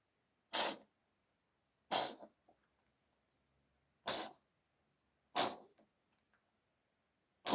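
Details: Repeated sneezing in a cat that had a cold, going on for about 20 minutes.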